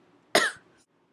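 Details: One short, sharp cough in a quiet room from an adult who says they are a little sick.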